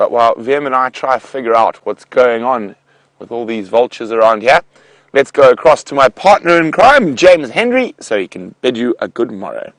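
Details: Adult male speaker; normal voice.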